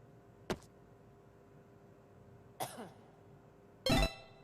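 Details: An animated cartoon panda character's sneeze: three short explosive bursts, the last loudest, forming a sneeze sequence.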